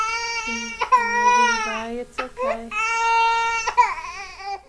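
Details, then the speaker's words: Inspiratory stridor from laryngomalacia in an infant, airway collapsing inward: crying with a lower, crowing, high-pitched noise on each in-breath between cries. "here is another example look at how everything flops in and note the Strider here is yet another example"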